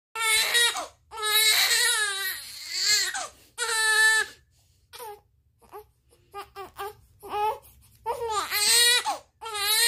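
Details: 30-day-old baby crying hard for milk while it is being heated: loud, rhythmic wailing bursts with brief pauses for breath; a typical hunger cry.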